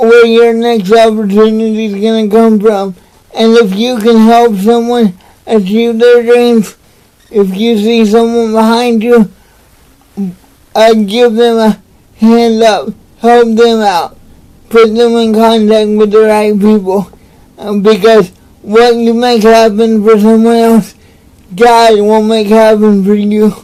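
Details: Dysarthric speech in an adult man with cerebral palsy, speaking in a motivational talk.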